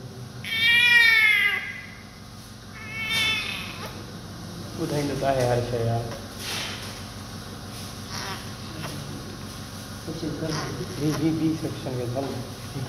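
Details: Newborn just after birth, vernix already cleaned off: high-pitched wavering cries followed by quieter fussing, with room noise behind.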